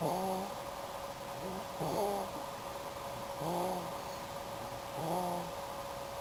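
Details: Sleeping female snoring during a nap of a couple of hours: short, squeaky, tonal snores about every one and a half seconds, roughly 36 a minute, over a steady background hum.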